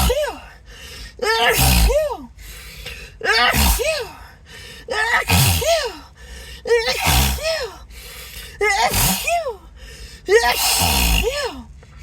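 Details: Acted sneezing fit: about seven forceful sneezes in quick succession, each with a sharp in-breath, over soft music; the sneezer reports a tingling, irritated nose and suspects an allergy.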